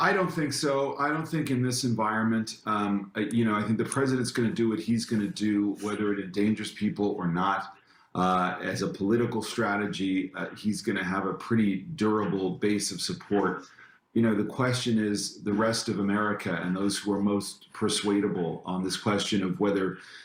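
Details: Adult male speaker; normal speech.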